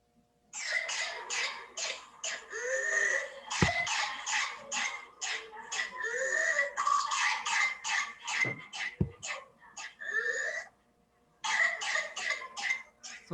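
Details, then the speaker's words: Child with whooping cough (pertussis): paroxysmal cough, rapid runs of harsh barking bursts broken by sudden high-pitched inspiratory whoops. "this is a paroxysmal core so they keep on did you hear that she was having a barking kind of core and then sudden noise which was called as whoop if you remember it is called as whooping cough"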